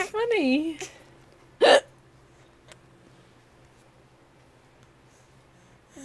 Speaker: Gretchen thinks it's funny that I have the hiccups.